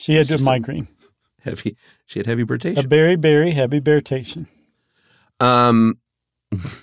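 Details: Imitated Wernicke's (receptive) aphasia: a podcast host reads an example sentence illustrating this aphasia, usually after stroke, in which speech is fluent but makes no sense because the comprehension area is damaged.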